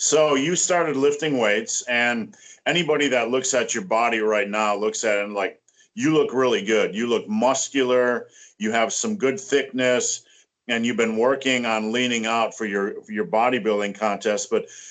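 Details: Adult male speaker; ordinary speech.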